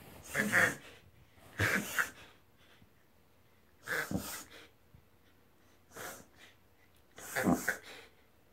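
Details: Whippet dog reverse sneezing, confirmed by a veterinarian: repeated loud, harsh snorting inhalations in bursts; harmless.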